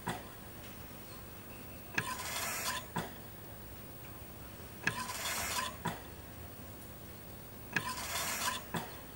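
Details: Mechanical ventilator sound effect of intensive-care life support: rhythmic whooshes of delivered air at about 21 a minute, each opened and closed by a valve click, over a steady hiss.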